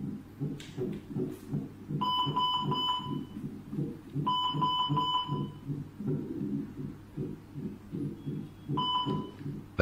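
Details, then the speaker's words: Fetal heart sounds on a portable CTG fetal monitor (MCF-21K) via gel-coated FHR transducer moved over the fetus until clear; rapid whooshing heartbeat about 140–170/min with monitor beeps; normal reading 120–160. "apply certain amount of ultrasound gel on the fhr transducer move it slowly around the fetus site until a clear heartbeat sound is heard check the FH our signal is maximum and reading is between 120 to 160"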